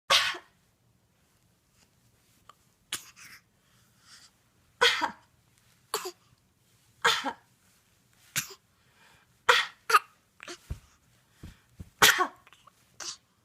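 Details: 8-month-old baby's newly learned voluntary fake cough, going back and forth with her mother: short, breathy cough-like bursts repeated about ten times in a quiet room.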